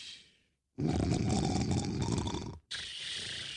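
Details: Acted snoring in a cartoon: a single long, rough, rattling snore on a breath in, with quiet breathing around it, before a character complains it is too loud.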